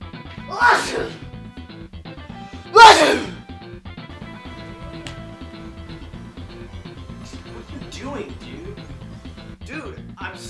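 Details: Sneezing: two loud, hissing sneeze bursts over background music, followed by a few softer sneeze-like sounds.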